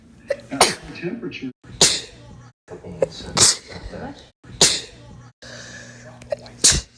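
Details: A bout of repeated sneezing: five sharp, explosive sneezes in quick succession, each preceded by a brief inhaled build-up, with soft room noise between them.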